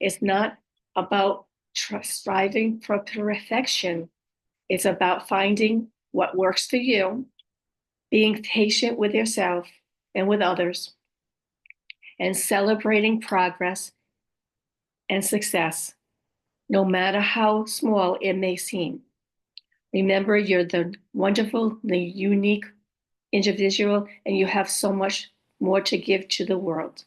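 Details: Adult female with aphasia, apraxia of speech and dysarthria following a stroke, whose speech can be hard to understand; aphasia with apraxia of speech and dysarthria.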